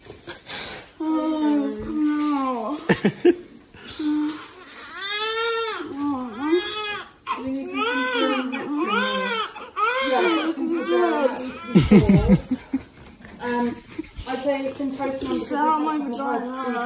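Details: Repeated high, wavering cries with short gasping pauses from a newborn boy in his first hours in hospital, classed as premature by 3 days, mother with gestational diabetes; little adult voice and room noise.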